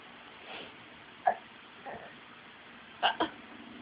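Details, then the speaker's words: A baby gives soft, quick hiccups, about five in four seconds, over a low background hiss: hiccups. "You still got the hiccups? Goofy boy."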